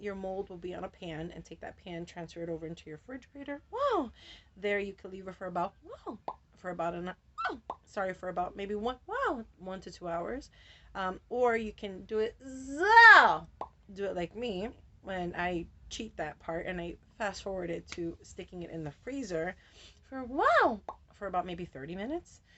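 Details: Adult woman with Tourette syndrome whose involuntary vocal tics ("whoa", "wow") interrupt her speech; she says her tics have been really active lately; vocal tics (Tourette syndrome).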